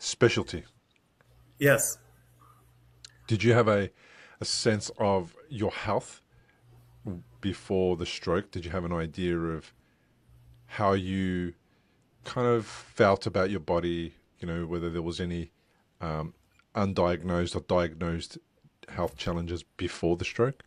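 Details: Adult male speaker; unaffected speech.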